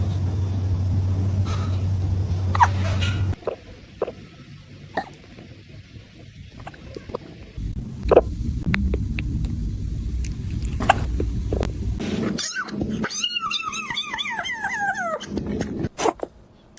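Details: Cat with hiccups, owner suggests from eating food too fast: small, sharp hiccup-like clicks amid rumbling handling noise, ending with a short meow; cat hiccups.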